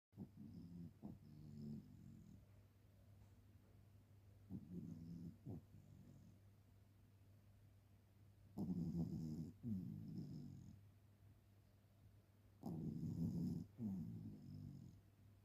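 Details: Shih tzu puppy snoring while asleep: soft, low, fluttering snores in short bursts with quiet gaps.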